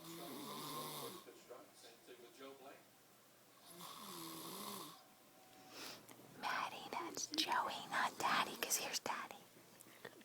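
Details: Snoring: two drawn-out, rattling snores on slow breaths, then rustling and whispered movement noise.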